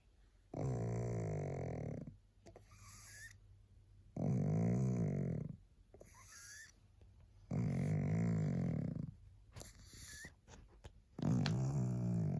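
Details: Loud, low, rattling snores on each in-breath with quieter out-breaths, about 17 breaths a minute, from a tired, sleepy female pug.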